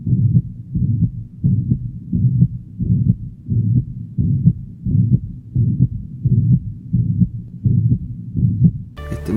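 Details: Mitral regurgitation murmur.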